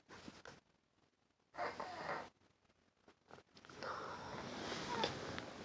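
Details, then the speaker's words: Sick cat snoring with rough, noisy, congested breaths, snorting, sniffling and some wheeze; barely breathing per owner, medicine not helping much. "My cat is literally snoring right now. She's sick."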